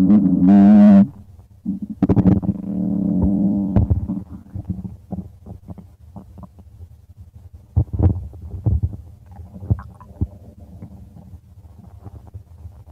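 A loud drawn-out tonal growl, then lower rumbling and scattered bubbling gurgles fading out. Ordinary stomach growling.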